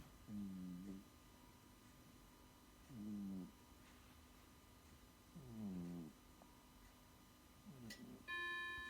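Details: Cat snoring: four slow, buzzy rattling breaths about 22 a minute, then a finger crack and a brief clock chime at the end.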